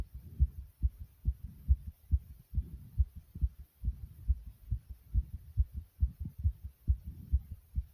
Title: Heartbeat Sound Effect Fast❤